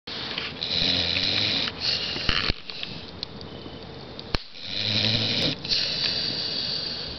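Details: Pitbull asleep sitting in a chair while camping: two long, rattly snores, each a low fluttering buzz with a noisy rush of air; snoring.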